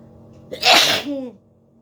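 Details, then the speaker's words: Woman doing a sneezing challenge, inducing sneezes by poking her nose and aiming for ten or more: one sharp, explosive sneeze with a brief voiced tail. "Seasoning challenge. চলো, কটা হাঁচি আমি দিতে পারি দেখো। 10টা তো বললাম তোমাদের।"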